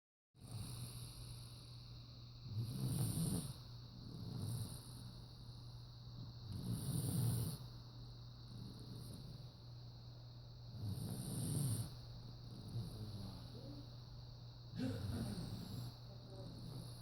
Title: Temper tantrum = Snoring